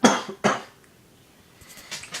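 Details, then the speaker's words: Two sharp coughs in quick succession, then quiet room sounds; cough. "take medicine why do I always start coughing when I start doing this"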